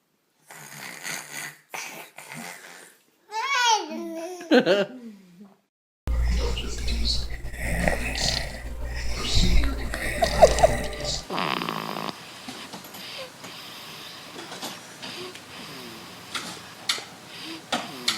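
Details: Young child makes playful snorting, snore-like noises when asked what noise mommy makes when she sleeps, an imitation of a parent's snoring rather than real snoring, followed by a noisy stretch with room sounds.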